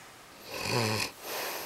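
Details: A single loud, rattling, low-pitched breath in from a sleeping adult man, then a softer breath out: snoring.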